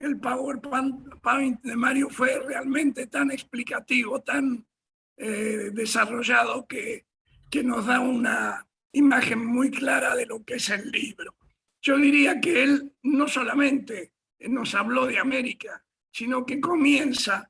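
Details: Dysphonia in an adult male speaker, who himself apologizes for his dysphonia and doubts the audience can hear him well.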